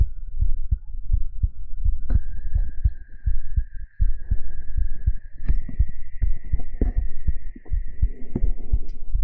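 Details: Steady, regular low thumps of a heartbeat, with a faint high steady whine and handling noise, in a live 3Dio binaural ASMR stream.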